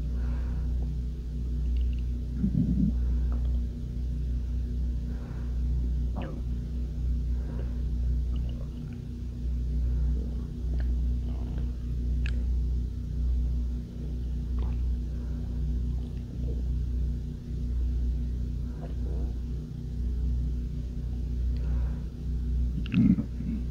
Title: Turn Up the Volume! | Hunger Belly Growling Sounds Part 1 | M.S. Stomach Noises